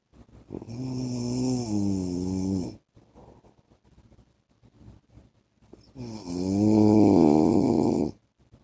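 Two long, loud, rattling snores on breathing in, separated by a quieter breath out; habitual snoring during sleep.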